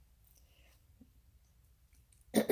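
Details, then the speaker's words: A 50-year-old diagnosed with myasthenia gravis in May 2018 gives a single abrupt throat-clearing burst after near silence while speaking, as throat muscles tire; right eyelid also droops through the day; throat clearing. "And, excuse me, my throat's getting tired."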